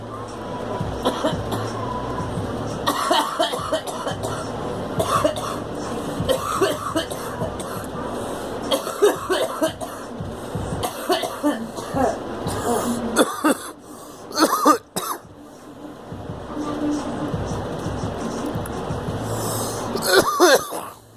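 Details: Girl coughing in several sharp bursts over steady background music and talk.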